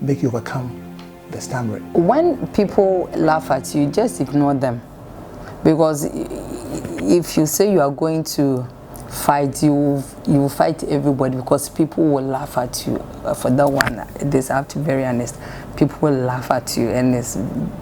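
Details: Adult male speaker; stammering.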